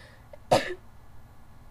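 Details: A single short, sharp explosive burst from nose and mouth after a faint intake, during a sneezing bout with a runny nose while a window was open; sneezing.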